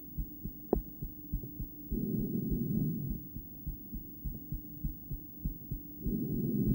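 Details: Adult female heart heard through a poorly placed stethoscope during breathplay: unevenly spaced paired beats and one longer pause, partly masked by loud breathing; intermittent bigeminal rhythm.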